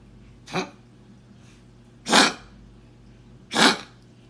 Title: Kennel cough in a small dog.